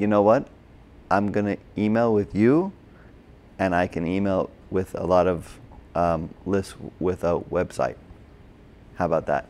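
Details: Adult man with Broca's (expressive) aphasia from a stroke during heart surgery in 2007, about 10 years earlier; hospitalized two months, then OT, PT and speech therapy; difficulty with names, numbers, reading and writing; agrammatic speech with word-finding errors.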